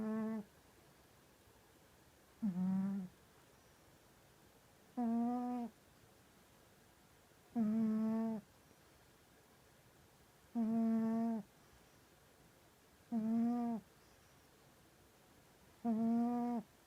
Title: Snoring and dreaming #1